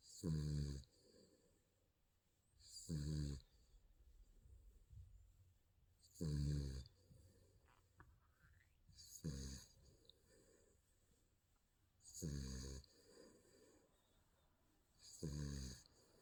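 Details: Sleeping baby snoring: soft, regular snoring with a slight buzzing tone, about every three seconds, in a quiet room.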